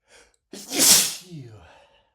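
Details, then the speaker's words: Male sneezing repeatedly after cooking with a lot of black pepper: a short breath in, then one forceful hissing sneeze trailing into a breathy sigh. "And I know it sounds silly and a bit cartoonish, but oh my god, pepper makes me sneeze so much, so much."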